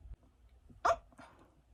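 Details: Woman with Tourette syndrome making a single abrupt, loud bark-like vocal burst, an involuntary vocal tic.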